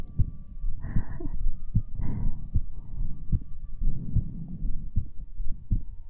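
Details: Steady, regular low heart thumps at about 76 beats a minute with soft rustling over them, a normal heartbeat in an ASMR heartbeat recording.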